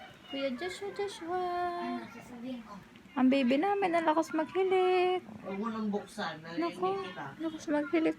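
Whimpering and wavering cries from an infant, with rising and falling pitch and brief pauses.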